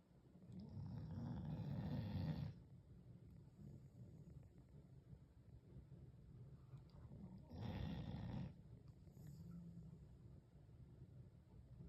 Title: Dog Snoring 😂